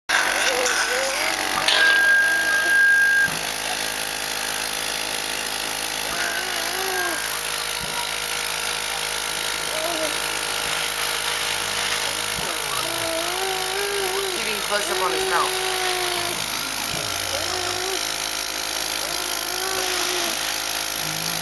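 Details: Mechanical insufflation-exsufflation (cough assist) machine in use on a child during daily routine, 5 sets of 5 cycles: steady mechanical whirring and hiss, faint voices in background.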